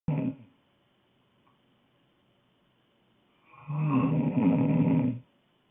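Loud, rough, vibrating inhaled snore after a quiet pause: snoring during sleep.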